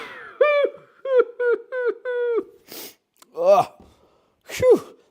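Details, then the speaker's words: A run of sharp voiced 'ah' gasps builds into explosive blasts of air and voice: a loud, forceful, violent sneeze from the commentator during live pool match commentary. "was a pretty violent sneeze there, guys. I apologize you had to hear that. You know, that was pretty violent."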